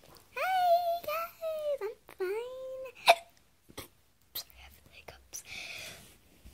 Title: Oh my god I got the hiccups